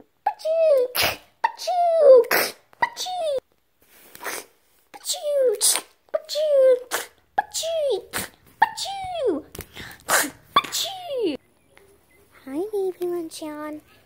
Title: Babies sneezing compilation